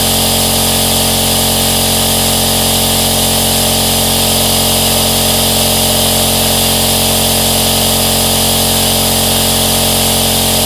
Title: AEROSOL Nebulizer Sound | 10 Hours White Noise - Black Screen | Calm, Relax or Sooth a Baby